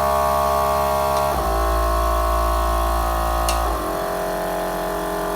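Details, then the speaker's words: Portable suction unit with Yankauer and whistle tips, demonstrated for clearing airway secretions: steady motor hum whose pitch and tone shift as suction is raised past the 300 minimum to about 350 mmHg. "can hear the change in the amount of suction and see that legs up to put this up to around 350"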